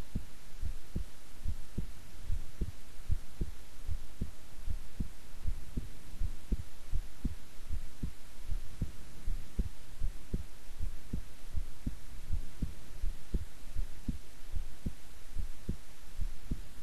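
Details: Own heartbeat recorded at length while keeping still and relaxed: steady, regular low beats at about 75 a minute over constant background hiss; normal resting heart sounds.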